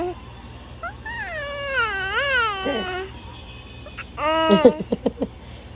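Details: Baby with hiccups, crying with rising and falling pitch, then a few short, catching sobs; faint background music.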